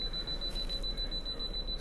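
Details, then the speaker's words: Electronic apex locator during root canal measurement of the palatal canal in a young woman: rapid steady high-pitched beeping as the file reaches the apex, reading zero zero, electronic length 18 mm. "you can hear it i don't even look at the readout we pull it we push it we're going to make it there at zero zero very good"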